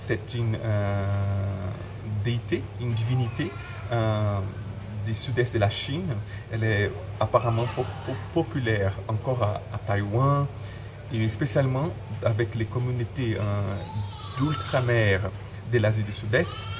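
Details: Adult man who stutters, speaking French; word and phrase repetitions; stuttering.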